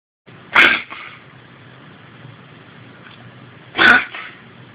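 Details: Two short, sharp snorting bursts a few seconds apart over quiet room noise, possibly reverse sneezes, apparently from a dog; sneezing.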